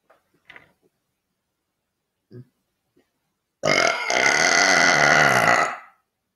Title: Burping video #2